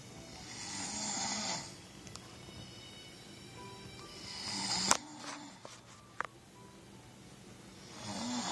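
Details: Slow, loud, hissing snoring breaths with faint background music and a few clicks; snoring.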